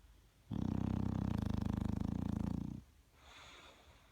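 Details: Sleeping bulldog snoring.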